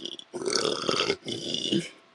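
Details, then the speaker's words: Voluntary burping demonstrated by sucking in air and letting it out: two long, rough, gurgling belches back to back. "i'm going to try and give a couple of pointers on burping"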